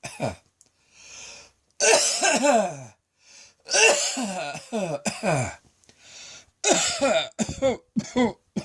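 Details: Adult's prolonged midday coughing fit, self-described as nearly coughing up a lung and sounding like a heavy smoker: repeated harsh, forceful coughs in clusters with audible in-breaths between bursts.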